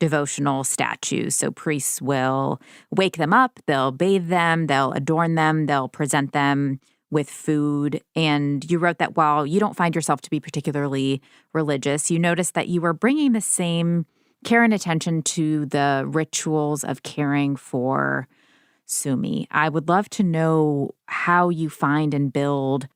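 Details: Adult speaker; normal speech.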